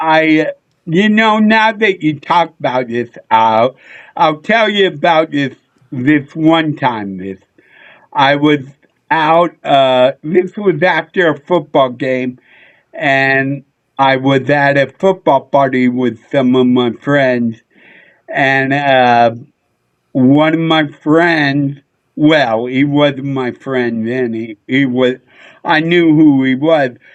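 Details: Adult male comedian with a neurological problem; MRI showed part of the back of the brain underdeveloped; childhood car-accident head injury with brief hospitalization; seen by a neurologist; slurred speech, often mistaken for drunkenness (possible dysarthria).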